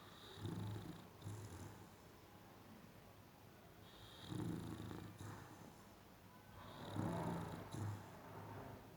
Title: Boxer dog snoring